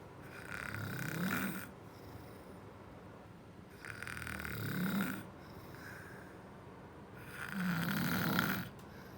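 Three loud, harsh snores roughly three seconds apart, with quiet breathing between: snoring during sleep.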